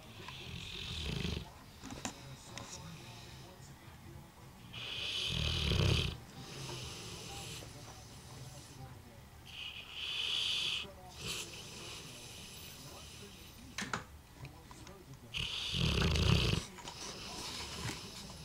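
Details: Loud, rumbling, rattling snores on each breath in, about 13 breaths a minute, from a 2-year-old Bullmastiff napping after a large Christmas turkey meal; ordinary dog snoring.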